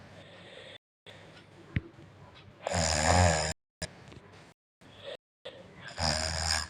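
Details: Child asleep at night, two rough, rattling breaths with quieter breathing between and short gaps; snoring.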